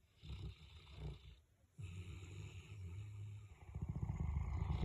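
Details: Two sleeping dogs, including a Boerboel (mastiff), snoring together: deep, low rumbling and fluttering breaths with a brief pause; heavy snoring from a large dog.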